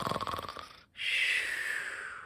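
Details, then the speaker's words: An adult reading a children's story aloud imitates a really loud snore: a rattling, fluttering in-breath, a brief pause, then a long hissing out-breath. This is an imitated loud snore, not real sleep. "sometimes it's just a quiet little snore like sometimes it's a really loud snore like"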